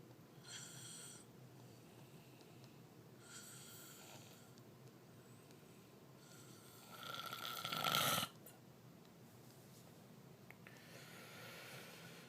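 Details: Adult husband who, per his wife, stops breathing while asleep: hissy, noisy sleep breaths recurring every few seconds, one louder snorting breath midway; snoring.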